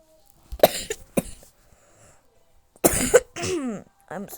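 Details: Coughing fit during a gaming stream: two bursts of harsh coughing, several coughs each, with throat clearing and a short voiced sound between; the streamer apologizes for the cough.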